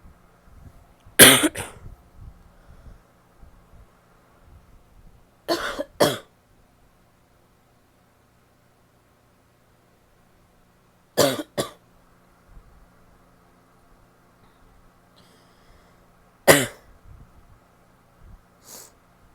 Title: wet barky cough (f)